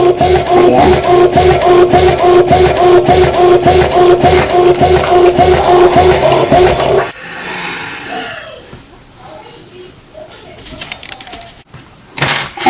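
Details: Medela Pump In Style Advanced double electric breast pump running with parts disconnected to clear tubing condensation: rapid, regular mechanical pumping with a humming motor, about 105 cycles a minute, stopping after seven seconds.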